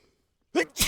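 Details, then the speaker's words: Adult sneezing outdoors while fishing, attributed to pollen allergies: a quick indrawn breath followed by a sharp, noisy burst; a single sneeze. "Okay, enough sneezing. I'm sick of it. I'm over it. I'm done with it."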